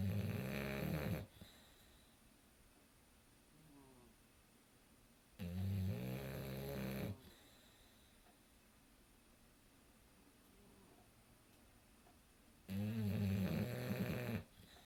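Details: Sleeping English Bulldog snoring: three loud, rattling snores on the in-breath about 6 seconds apart, with quiet breathing between them.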